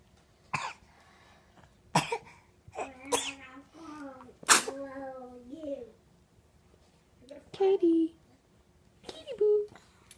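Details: Child sneezing: several sharp sneeze-like bursts and short voiced sounds in a quiet room.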